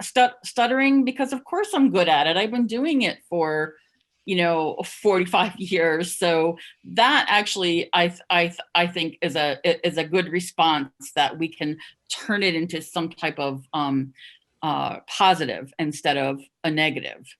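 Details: Adult who stuttered covertly for over 30 years, heard with repetitions of words and syllables; stuttering.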